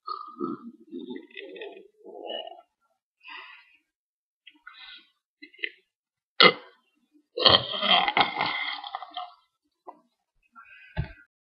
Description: these are some gross burps.